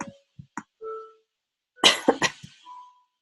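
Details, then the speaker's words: An adult just getting over a cold coughing during a recorded computer tutorial: short, sharp coughs, with brief tones and clicks before them. "I'm just starting to get off of a cold, so you'll hear me coughing here."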